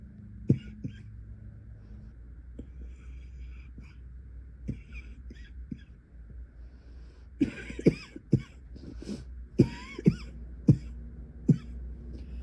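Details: Night-time coughing into a pillow lasting through the night: about ten short, muffled coughs bunching into a rapid fit toward the end; cough fit.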